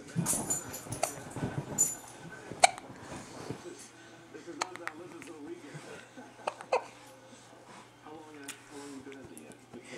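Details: Almost 3-week-old puppy Luca hiccuping: a few short, sharp catches over quiet room sounds and soft background voices while Lola throws a temper tantrum; puppy hiccups.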